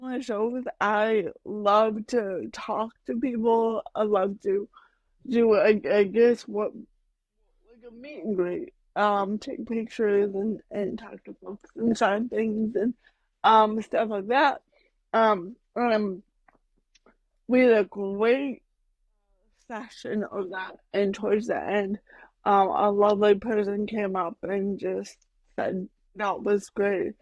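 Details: Adult woman with mild cerebral palsy that she says mainly affects her speech and motor skills, speaking in a podcast interview; mild dysarthria (cerebral palsy).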